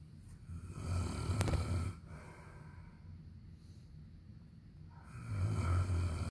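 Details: Two low, rumbling snores on inhalation about four seconds apart, quiet breathing between, from a husband; snoring.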